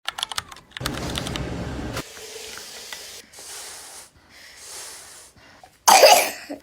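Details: Infant on day 4 of a hospital stay; clicking and handling noise, then one sharp, harsh cough.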